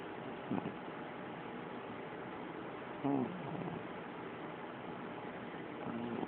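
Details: Puppy snoring loudly during a midday nap, with three short, rumbling snorts about every three seconds over steady room hiss: snoring.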